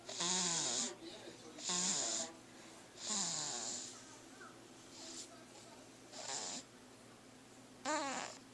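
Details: Recurring rough, rattling breath sounds during sleep, some with a whistling nasal edge, about one every one to two seconds; snoring.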